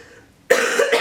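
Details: After a quiet moment, an adult with cystic fibrosis gives one harsh, forceful cough that runs into a second short burst: chronic cough in cystic fibrosis.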